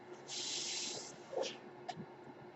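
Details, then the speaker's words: Podcaster's own ventilator audible in the background while they speak; mechanical ventilator noise. "That noise you're hearing is my ventilator, and thank you for tuning in to Page Turners They Were Not, my Star Wars podcast."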